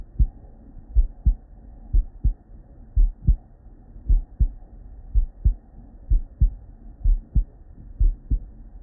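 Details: Real bedside human auscultation from a patient with normal cardiac physiology: regular paired low thumps at about 100 beats a minute with no added sounds; normal first and second heart sounds.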